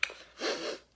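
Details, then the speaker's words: Vocal tics from a 15-year-old with late-onset Tourette syndrome beginning around age 11–12, diagnosed by a neurologist, ticcing while talking and drawing. "But you're hearing my tics a lot more now than other videos, because in other videos if I tic a lot during a take, I will normally retake it."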